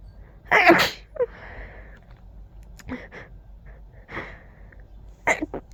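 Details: A loud explosive sneeze with a sharp burst of air, then breathy sniffs and a second smaller sneeze; powerful, intense sneezing fit.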